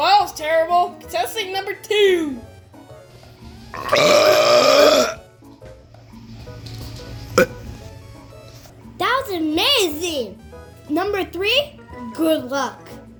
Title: Burping Contest